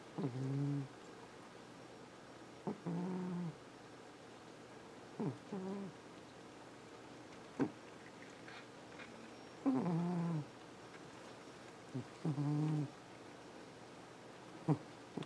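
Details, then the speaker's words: Sleeping cat snoring softly in its bed by the window, low rumbling bursts about 25 times a minute in a quiet room. "Buddy, you were really snoring."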